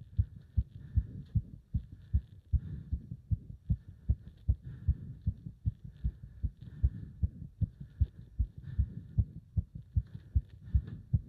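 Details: Heart sounds during leg wrench exercise, pulsation felt up to the subclavian artery: strong, steady pounding heartbeats about 150 a minute with faint background noise; rapid heartbeat during exercise.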